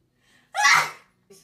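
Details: Girl who has been sneezing a lot lately: a soft catch of breath, then one sharp, voiced sneeze burst that fades quickly. A single sneeze.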